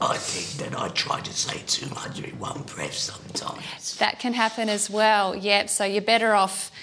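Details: 61-year-old man after total laryngectomy for recurrent subglottic cancer, speaking with a tracheoesophageal voice prosthesis just after valve cleaning restored his voice to normal. Finding: tracheoesophageal voice.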